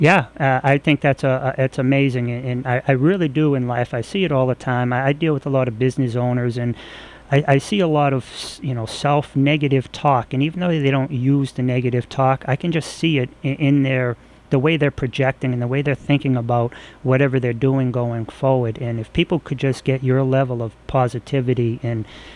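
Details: Adult man; ordinary speech.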